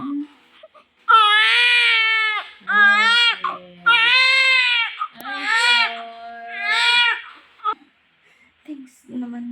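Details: Loud, strong, tonal crying in repeated bursts with brief breaths between: the normal vigorous newborn cry of a baby boy just after vaginal delivery.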